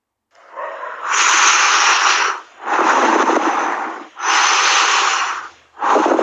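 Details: Abnormal lung sounds: loud, harsh breath sounds in long, regular cycles, with a high-pitched hissing edge during each breath.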